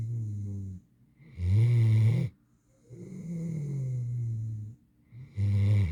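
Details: 8-month-old mantle Great Dane, a large dog, asleep: deep, rumbling, buzzy snores repeating with each breath in and out; snoring.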